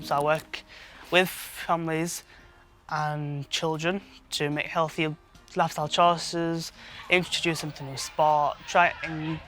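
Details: 23-year-old man who has stammered since he learned to talk, with blocks especially on lip-closed p, b and t sounds; stuttering (stammer).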